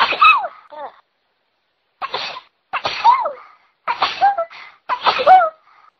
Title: I can't stop sneezing!!